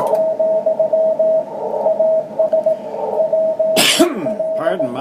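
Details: Recording-maker's own single harsh cough over steady radio tones and static while listening to the amateur radio bands; cough.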